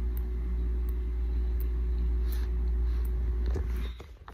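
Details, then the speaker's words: Faint, sharp, regular clicks at about 80 a minute over a steady low room hum, from a heart-surgery patient's mechanical heart valve, heard constantly including at night: mechanical heart valve closing clicks. "so those of you that aren't familiar with heart valves or mechanical valves in that case they make noise they click all the time"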